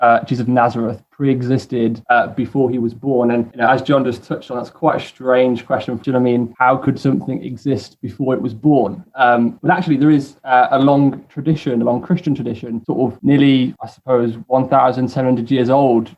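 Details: Adult male speaker; normal voice.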